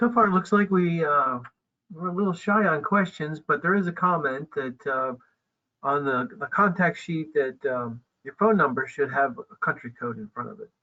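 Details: Adult speaker, webinar host; ordinary speech.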